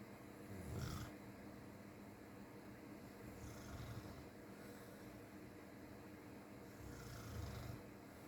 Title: Literally someone snoring via phone.while.recording this.